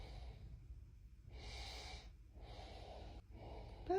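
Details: Giant Mastiff dog, sitting on owner's legs in a guest room, making mega loud snoring: three loud, hoarse breaths with a snorting rasp over a low room hum; noisy breathing.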